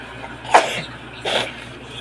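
Two quick, breathy bursts about a second apart, fitting small sneezes set off by tickling the nose.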